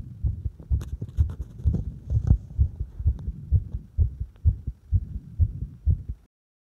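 Firm, regular paired heart sounds at the apex, roughly 64 beats a minute, with some stethoscope rubbing noise.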